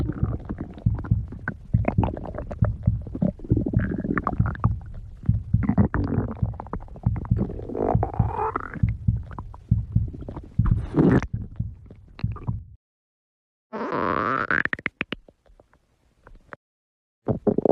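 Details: Loud, irregular, low-pitched gurgling and bubbling stomach growls, with a few squeaky rising gurgles: bowel sounds (borborygmi).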